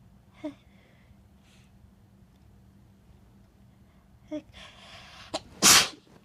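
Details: Person sneezing in bed: quiet breaths and a brief build-up, then one loud, explosive sneeze in a quiet room.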